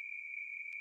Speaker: hearing loss from loud sounds is very frequently accompanied by a constant ringing in the ears the medical name for this ringing is tinitus